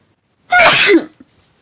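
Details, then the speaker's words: Young woman, who says she thinks she is coming down with a cold, gives one loud, sharp sneeze with a brief voiced burst while talking, then quiet. "excuse me excuse me wow so that's bronze glow excuse me guys I think I'm coming down with a co"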